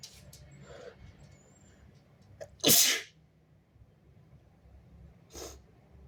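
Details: Strong, wet, stifled messy sneezes with snot while sweating: a sharp loud sneeze over quiet room noise followed by a softer second burst; sneezing.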